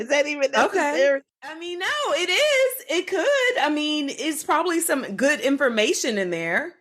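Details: Adult woman speaking; ordinary speech.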